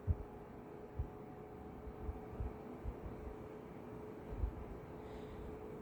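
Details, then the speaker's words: Normal heart sounds heard with the diaphragm of a stethoscope at the site of S1: soft, low lub-dub over a steady hum, no murmur, normal sinus rhythm. "Heart sounds are normal. I hear the nice lub dub. No blowing or swishing. Normal sinus rhythm."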